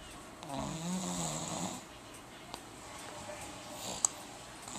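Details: One rough, buzzing snore from a sleeping adult, then quiet breathing with faint room noise, recorded 2012; snoring.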